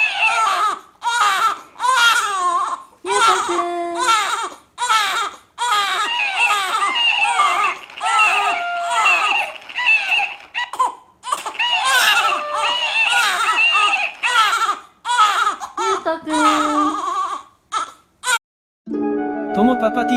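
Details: Baby cries loudly in repeated bursts with breaths between, startled by his father's sudden sneeze.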